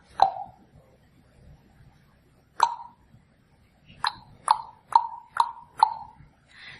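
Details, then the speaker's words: Korotkoff sounds heard through a stethoscope during slow blood pressure cuff deflation from about 130–140 in a spontaneously breathing patient, measuring pulsus paradoxus: soft taps, first isolated, then with every beat. "what I'm listening for is the first time I hear a Kat cough sound the because what you'll notice is in all of us you'll hear that first Croc cough sound"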